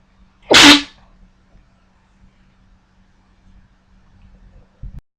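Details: A single loud, sharp, explosive sneeze followed by near silence with a faint hum. It is one of four sneezes recorded, and the sneezer tried unsuccessfully to stifle the last one.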